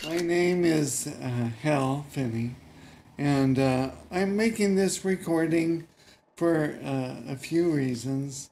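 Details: Adult male programmer recorded about six months after ALS diagnosis, anticipating loss of speech: mild dysarthria in ALS.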